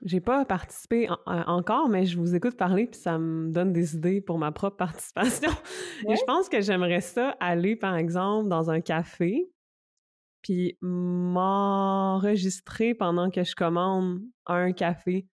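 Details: Adult woman with stuttering, herself a speech-language pathologist, speaking French in conversation.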